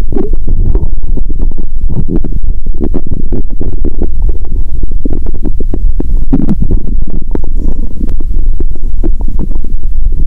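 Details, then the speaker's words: Own abdomen heard through a stethoscope after fasting over 15 hours: continuous low gurgling and rumbling with frequent bubbling pops, bowel sounds. "The sound of my stomach became quiet 🤔."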